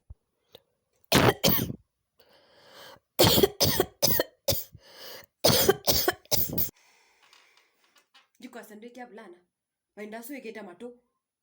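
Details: Simulated cough: a string of loud, harsh acted coughs in bursts from a comedic skit about coughing near your mom in an African home, followed by brief speech in a small room.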